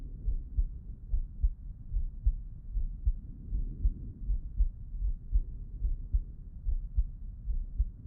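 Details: Heart auscultation with stethoscope, person lying on left side: steady low lub-dub heartbeats at about 74 a minute; normal heart sounds.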